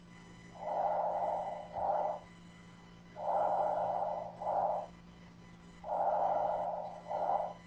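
Soft rustling breath sounds with long inspiration and short, fainter expiration: normal vesicular breathing.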